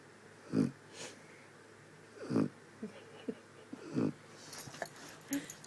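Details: Sleeping dog with low, rough, fluttering snores about every one and a half to two seconds and quiet breathing between them; snoring.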